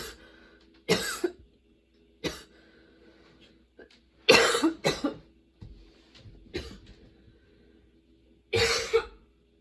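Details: Person with a sudden, very long coughing fit that brought tears and kept worsening while they changed positions: about six clusters of harsh, wet-sounding coughs with short gaps.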